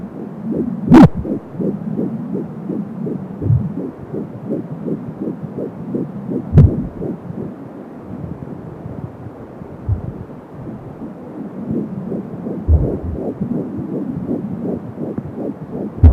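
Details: Fetal heartbeat at 12 weeks of pregnancy on an Angel Sound fetal Doppler, about 170 a minute: rapid, regular galloping beats with whooshing umbilical cord sound.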